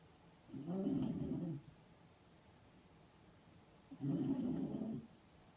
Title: Deepening the snore fest